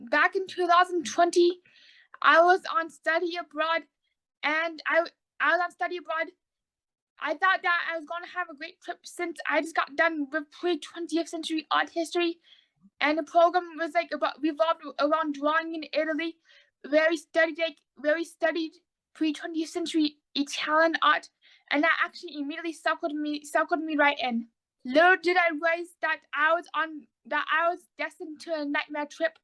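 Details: Autistic young adult woman, recently diagnosed bipolar, with oral motor apraxia, a speech disability that keeps her mind from forming words correctly and makes conversation hard: apraxia of speech.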